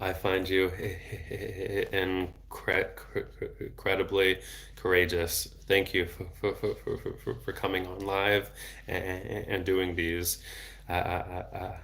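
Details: Adult man, a speech-language pathologist, who has stuttered since age 8 and had speech therapy off and on until his early 20s; part-word and word repetitions while reading aloud; stuttering.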